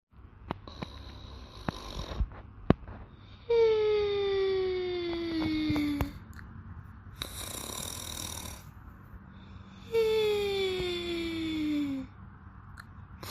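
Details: Maria sleeping: two long, high-pitched whistling snores, each about two seconds and sliding downward in pitch, with noisy breaths between; snoring.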